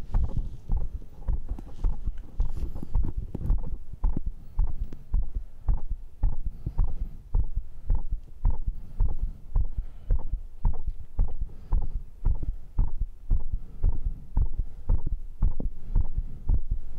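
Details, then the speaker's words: Adult's own heartbeat recorded with a microphone right after a workout round of dips, crunches, cross pulls and curls: strong, regular low thumps, a normal quickened heartbeat after exercise. "45678910 nhịp tim là 122 Nó thật hoàn hảo Được rồi lắng nghe nhịp tim của tôi"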